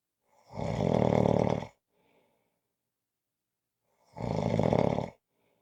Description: This is a 5-minute clip of snoring.